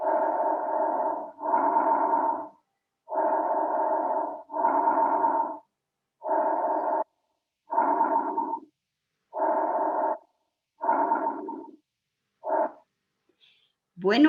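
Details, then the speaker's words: Normal bronchovesicular breath sound on stethoscope auscultation over the large airways: medium intensity and duration, audible in both inspiration and expiration. "este sonido bronco vesicular como ustedes han podido apreciar se escucha a la ocultar sobre las vías aéreas grandes es un sonido de mediana intensidad y duración"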